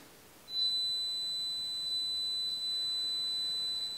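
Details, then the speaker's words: Steady high-pitched pure tone of about three seconds, presented during tinnitus frequency-matching, to find the sound matching the patient's tinnitus. "donc je vous présente et à droite des sons et vous m'arrêtez le cancre et un est sombre semble souffler voici le premier et voici un second"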